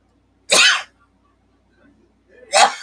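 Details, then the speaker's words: Sneezing during a livestream: two loud, explosive sneezes about two seconds apart, each a sudden burst of air near a microphone; ordinary sneezes. "Thank Can you. you not sneeze into my mic? I did not sneeze into your mic."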